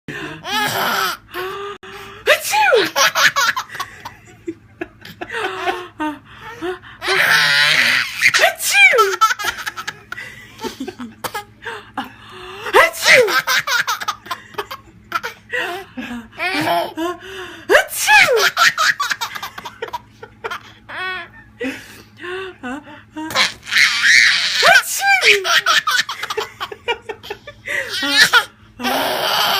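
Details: Adult mother sneezing repeatedly, each sharp sneeze followed by an infant's bursts of laughter in a small room; sneeze.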